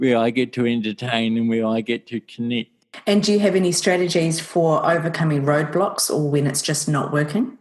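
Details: Adult speakers in conversation; ordinary speech.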